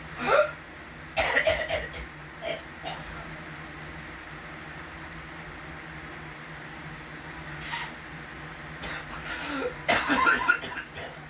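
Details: Persistent repetitive cough that goes on for hours and began a month ago, new for him: clusters of short, dry coughs and throat-clearing bursts separated by quiet pauses.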